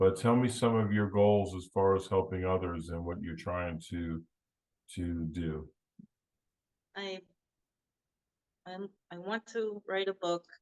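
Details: Adult woman with aphasia after a hemorrhagic stroke in 2018, unable to talk for 2 years, initially Broca's type; speech still worsens after recurring seizures; non-fluent (Broca's) aphasia.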